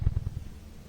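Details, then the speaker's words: Normal human heartbeat in a science lesson on the heart: soft, deep thumps in quick lub-dub pairs; normal heartbeat. "you hear the heartbeat a tireless pump the heart sees us through life every second"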